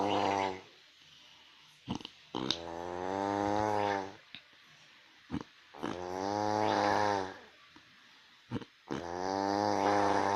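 Loud, rough, fluttering noises on each breath in, about 19 breaths a minute, with quiet breaths out: steady snoring.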